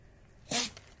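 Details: Dog indoors gives a single short, sharp, hissing burst of air, a typical sneeze, against a quiet background.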